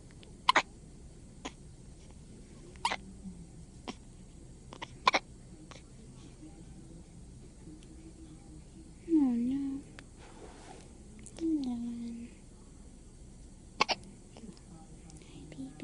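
Short, sharp hiccup clicks at irregular intervals, about one every few seconds, with two soft whimpering vocal sounds and steady room noise.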